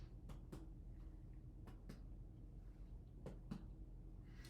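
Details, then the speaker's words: Adult male patient lying back during abdominal exam: six sharp percussion taps in three pairs giving hollow tympanic notes, tympany across all four quadrants, an expected normal finding. "So I hear tympany across all four quadrants of your abdomen, which is an expected finding."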